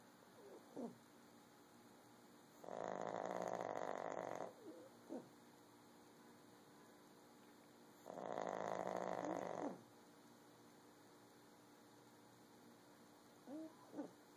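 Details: Little pug, a small flat-faced dog, snoring: two long, loud rasping snores about five seconds apart with quiet breathing between.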